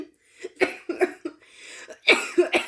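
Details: Woman coughing throughout a spoken rant: a run of short, dry cough bursts with a breath drawn in between, followed by more coughs.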